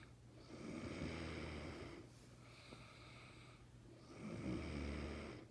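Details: Loud, rattling snores with each breath in, about two every five seconds, with quieter breathing out between, from the uploader's father, who snores like this every day; ordinary snoring.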